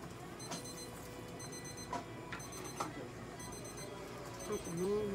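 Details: ECG monitor beeping: soft electronic beeps and clicks tracking the heartbeat of a Papillon dog during an electrocardiogram exam at a veterinary clinic, quiet room.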